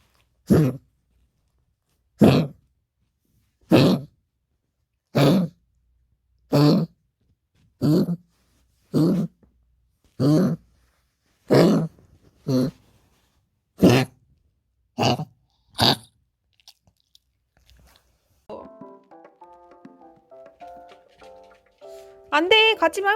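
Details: A dog gives about a dozen harsh honking, goose-like coughs ending in retching or gagging, then background music; the dog is being given medicine.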